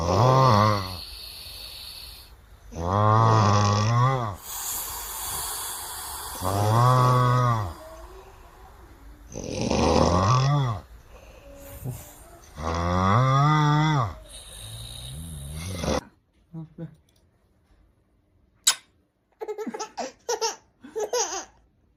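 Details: Baby's father snoring loudly: rhythmic snoring with coarse buzzing on each breath in, about five cycles in sixteen seconds.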